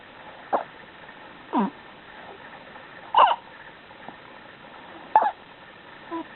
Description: She is very sweet when she hiccups!